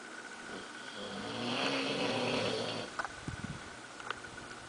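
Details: Bulldog snoring while lazily asleep: a drawn-out rattling, buzzy inhaled snore, then a few short snorting sounds; loud dog snoring.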